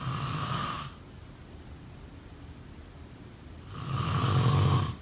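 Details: Loud, low rattling snore on the in-breath with a quiet pause between breaths; snoring.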